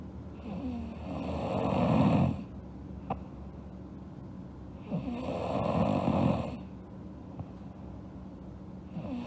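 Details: Girl asleep, snoring: rough, rattling snores on each in-breath and quiet out-breaths, about three breaths in nine seconds.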